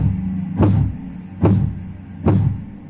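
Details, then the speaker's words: Phase 1 Korotkoff sounds as the blood pressure cuff begins deflating: three clear, regular tapping thumps at about 71 a minute, marking systolic pressure. "cuando comenzamos a desinflar el manguito aparecerá el nuevo ruido que nos indica la presión arterial sistólica ahí vamos a verla la aparición clara de las pulsaciones"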